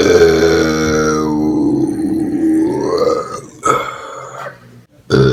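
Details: Multiple burps: one long, drawn-out voiced belch followed by a few shorter burps, in a quiet room.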